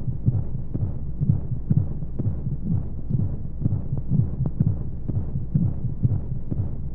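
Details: Womb sound played as a baby sleep aid with white noise: muffled, low, rhythmic heartbeat thumps at about 60 a minute under a steady hum of flowing sound, like a heartbeat heard from inside the womb.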